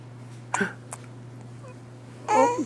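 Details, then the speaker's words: Baby after dinner babbling over steady room hum, with short abrupt catches of breath between sounds, while father talks: hiccups. "oh yeah those are the hiccups all right well you tell me a story later after the hiccups are gone okay"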